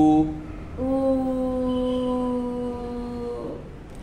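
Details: Improved voice in an adult woman sustaining 'oo' after about two weeks of voice therapy for hoarseness that began about two weeks after thyroid lump removal surgery.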